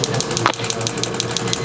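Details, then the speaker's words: Shockwave therapy device on the sole of the foot (plantar fascia area) of a golfer starting to run, at chiropractic visit: rapid regular clicking pulses about six per second; patient reports deep ache sensation. "I keep expecting this to be like the stem oh yeah not quite it's a little more of a deepy ache sensation than even the other shock wave"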